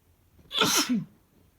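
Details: Adult man's single strong, forceful sneeze with a voiced tail at the end, in a quiet room; sneezing.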